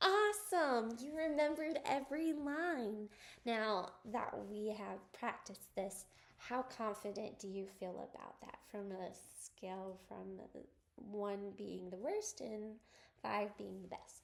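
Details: Adult woman, clinician; typical speech.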